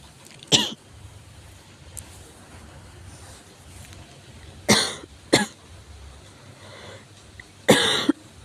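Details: Severe cough: four harsh, forceful coughs separated by pauses in a quiet room.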